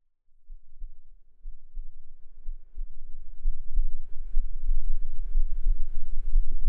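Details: Heart sounds recorded with a binaural microphone: soft, low, regular thumping heartbeat under a rising rumble of handling and room noise; normal heart sounds.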